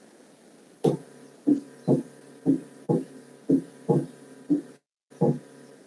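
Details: Paradoxical splitting of the second heart sound.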